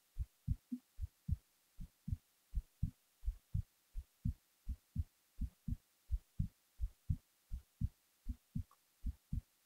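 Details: Regular, clear two-part thumps at about 80 beats a minute, recorded while falling asleep; an ordinary heartbeat at rest.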